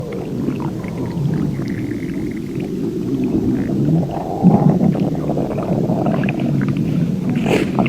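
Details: Insane non-stop stomach growling (borborygmi), possibly with extreme diarrhea: continuous low rumbling and gurgling with shifting tones, going on without pause.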